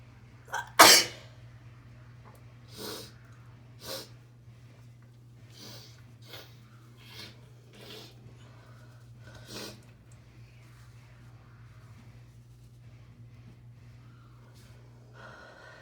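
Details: Induced sneezing: one loud, sharp sneeze, then a run of softer sniffs and small sneezing bursts.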